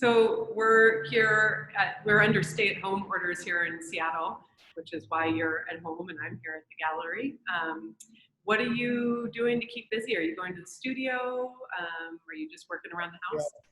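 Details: Adult speaker; Normal speech.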